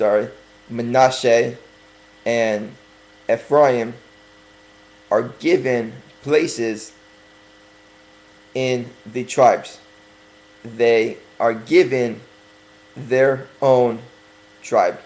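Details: Stuttering in a speaker who is working on correcting it by deliberately talking slower.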